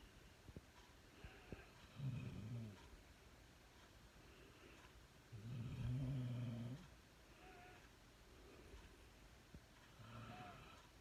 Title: My dog Maggie snoring 2